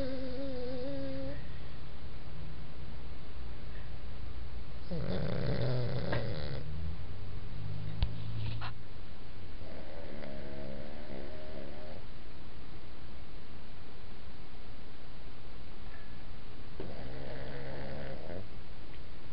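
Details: Low rumbling snores in slow bursts with a few lighter breaths between over steady room hum; ordinary snoring.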